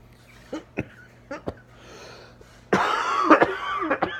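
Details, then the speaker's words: Post-viral asthmatic cough at the end of a cold in an adult: four short dry coughs, then a louder, harsher, slightly whistling burst. The chest tightens and he wheezes and coughs with physical activity. "if I go do anything kind of physically active my chest just tightens up when I start gonna wheeze coughing it's no bueno I don't like it so"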